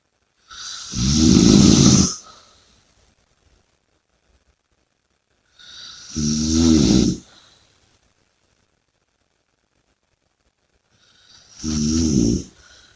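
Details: Three loud, rattling snores on the in-breath with quiet pauses between them, about 14 breaths a minute; heavy snoring.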